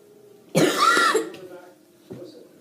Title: Merry Christmas (and my laugh cough 😔😔couldn't help it)